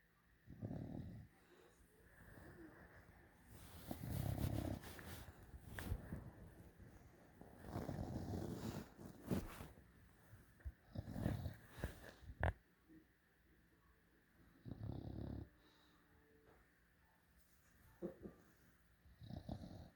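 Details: Sleeping Bulldog puppy snoring with loud, low, rattling bursts separated by quieter breaths.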